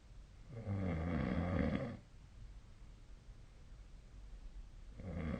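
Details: Snoring during sleep, recorded with the SnoreLab snoring app: a long, rough snore on the in-breath, a quiet pause, then the next snore; steady sleep snoring.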